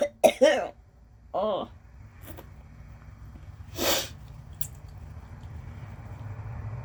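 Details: Adult with allergies, diagnosed with mild lung damage as an infant, no asthma: several harsh coughs early on, then a sniff and breathy exhale over quiet room noise, among nose blows, sniffles, wheezing and throat clearing; cough.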